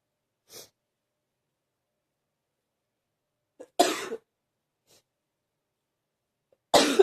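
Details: An adult with ongoing illness, feeling a bit better, gives two strong, harsh cough bursts, each preceded by a soft breath or throat sound, separated by quiet pauses. Continuing deep cough.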